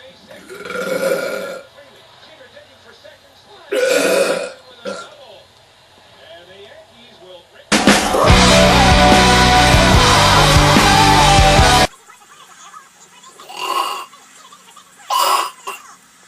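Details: Adult man (a father) burping: several loud belches, broken by a burst of loud rock music; ordinary burping.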